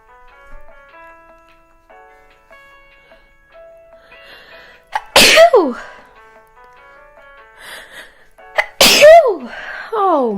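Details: Person with an itchy, irritated nose of unknown cause, who mentions allergies, sneezing twice: loud, sudden sneezes with a rising voiced tail over light chiming music.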